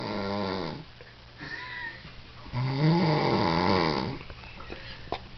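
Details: Adult snoring while described as drunk: loud, droning snores with a wavering, buzzy pitch, one short and one longer, in a quiet room.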